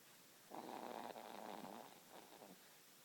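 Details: Baby son snoring: one soft, fluttering, rattly breath lasting about two seconds over quiet background hiss, light infant snoring.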